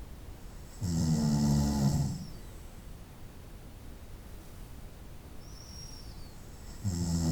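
Deep droning snores on inhalation, one long snore then a quiet stretch before the next, over steady background hiss; night-time snoring.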